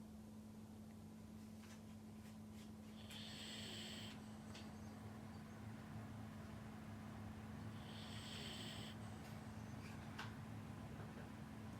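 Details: Sleeping dog snoring: soft, rough snoring breaths over a steady low hum.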